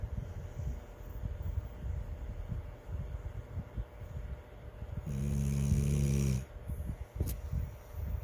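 A single drawn-out, buzzing snore over steady low rumbling background noise; a dog snoring.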